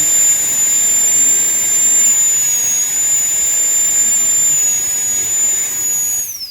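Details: High-speed dental drill: steady high-pitched whine cutting enamel, winding down, during full metal crown preparation on tooth #46 of a mandibular phantom, axial wall reduction toward the margin.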